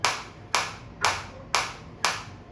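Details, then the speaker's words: Focused shockwave therapy (ESWT) device on the demonstrator's own hand/wrist at high intensity (levels 9–11; 11 felt strong, 10 deemed enough for the hand), about 120/min: sharp, evenly spaced snapping pulses, about two per second. "मेरे को 11 में काफी अच्छी feel हो रही थी क्योंकि ये टिशू में रिकमेंडेड [प्रशंसा] ज्यादा नहीं है। बट मैं आपको फिर भी डेमो में दिखा रहा हूं इंटेंसिटी का चेंज।"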